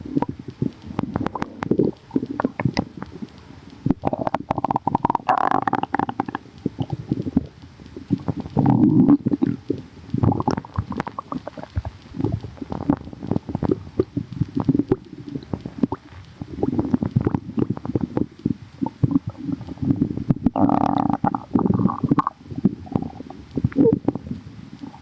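Frequent low gurgles and bubbling rumbles from the abdomen, ordinary active bowel sounds.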